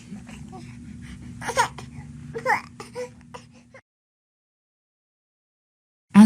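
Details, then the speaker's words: Short fussy cries and whimpers from an infant, then quiet, in a teaching module on baby cues: crying when early hunger cues go unrecognized; infant hunger crying. "parents may need help learning to recognize early hunger cues so they feed their babies before the babies get so uncomfortable that they cry"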